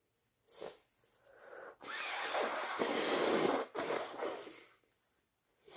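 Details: Deliberately induced sneezing during a bad cold: sharp sniffs building into long, forceful, noisy sneezes and bursts of nose blowing in a small room, with a congested nose.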